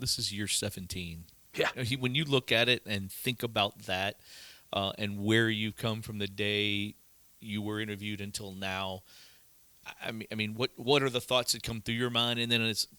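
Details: Adult male; typical speech.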